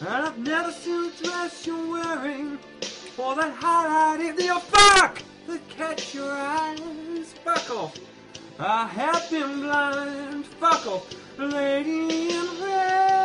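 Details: Vocal tics of Tourette syndrome while singing karaoke: involuntary swearing and exclamations interrupt the song lyrics.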